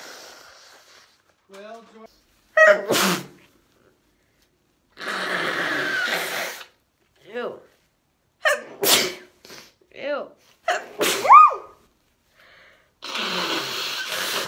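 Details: Several forceful sneezes with sharp inhaled build-ups, separated by noisy nose blowing, from women or girls with hay fever (pollen allergy, possibly house dust mite allergy): an allergic sneezing fit.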